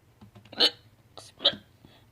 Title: Compilation of my hiccups